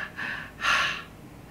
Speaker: so the kitty cat's going to breathe harder louder they may pant they're just really really working hard to get that air in and out to get their body oxygenated